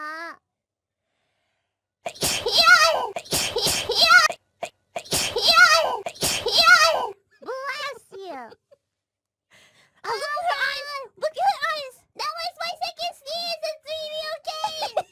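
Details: Virtual YouTuber's three sneezes on a 3D stream: several sharp, forceful sneezes in quick succession, followed by high-pitched voiced speech.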